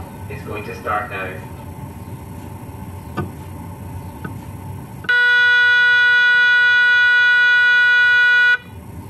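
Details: Adult patient during a scan: low room hum, then a loud, steady electronic buzzing tone lasting several seconds. The normal noise of an MRI scanner running.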